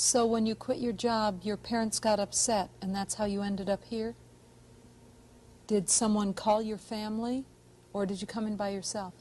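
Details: Adult woman interviewer; ordinary speech.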